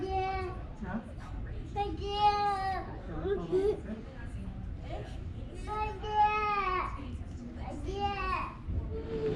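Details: A sick young child at home gives repeated drawn-out wailing cries with sobbing breaths between them in a small room; crying child.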